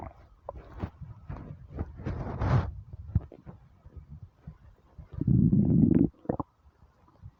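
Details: Hunger stomach rumbling (borborygmi) on a starving, empty stomach: bubbling gurgles and a long, loud low rumble from the belly; normal gut activity.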